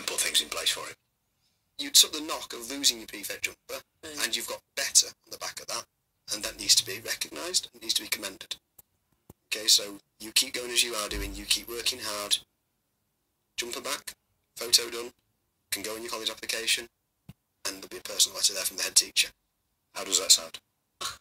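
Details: Adult male speaker; normal fluent speech.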